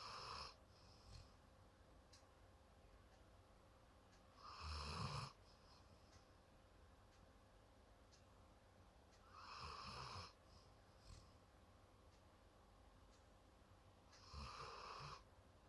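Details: Small pet sleeping while hugging its owner's hand, snoring loud enough to wake the owner: soft, regular snores about every five seconds, roughly 12 breaths a minute, in a quiet room.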